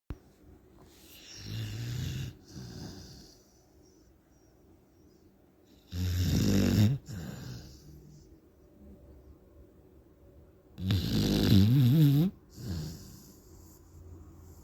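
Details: Pit bull dog snoring: loud, rattling snores about every five seconds, roughly 12 breaths a minute, each followed by a softer breath out.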